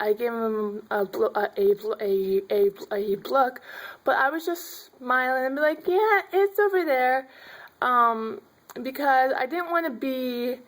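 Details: Stuttering in an adult woman who finds m and b sounds hard.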